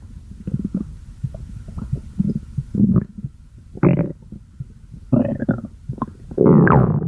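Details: Loud, continuous gurgling and rumbling with bubbling squeaks and rising gurgles: stomach growling (borborygmi).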